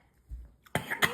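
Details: Two short, harsh cough bursts in quick succession in a quiet room, after a faint thump, right after biting spicy hot chamoy/tamarind liquid candy ("it's hot"); cough.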